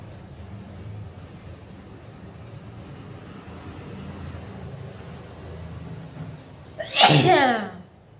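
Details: Steady room noise, then one loud, explosive voiced sneeze, deliberately set off by nasal tickling during a sneezing challenge.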